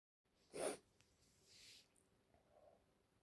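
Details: Adult female with allergies, congested and a runny nose, at the end of a sneezing fit: a single loud, sharp sneeze, then a softer breathy exhale.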